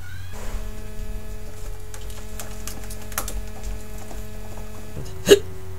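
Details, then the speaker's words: Drinking adult with a persistent case of hiccups: steady background music and hum, then a single sharp, abrupt vocal catch near the end; a hiccup. "I have the hiccups"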